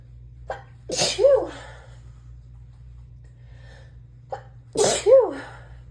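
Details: Adult female with allergies, worse lately with the weather, in a dizzying sneezing fit: two sneezes, each a short in-breath then a loud voiced burst, in a quiet room.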